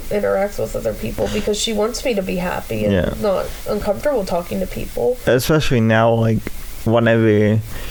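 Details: Adult speaker; typical speech.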